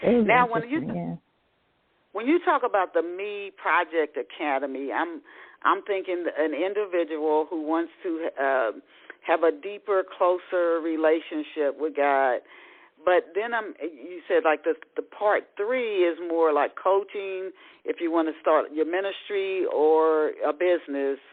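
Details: Adult speaker, phone-quality recording; normal speech.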